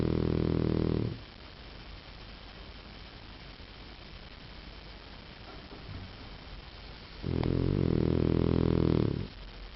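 Two long, deep, rattling snores about six seconds apart, with quiet between them; ordinary snoring.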